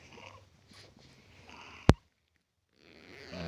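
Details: Infant snoring: soft, low rattling snores from a baby in deep sleep after a massage at bath time; the baby has an anomaly with a stoma bag. Ordinary noisy breathing of sound sleep.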